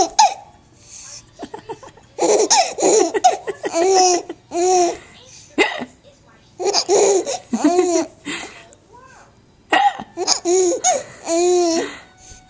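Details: Child laughing while having hiccups, recorded May 2012 on a Flip Video camera: bursts of laughter broken by short, sharp, abrupt catches in the breath; hiccups during laughing.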